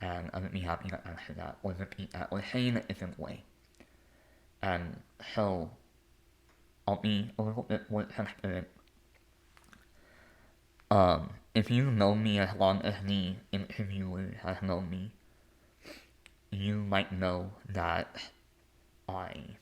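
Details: Lifelong speech impediment with disfluency in an adult male.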